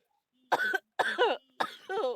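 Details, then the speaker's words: Child ill with a persistent bad cough and cold while gaming: three harsh, voiced coughs, each with a rough tail. "I'm sorry guys, but I feel so ill. You might not know why I'm like this. It's because I still have the bad cough and colds again."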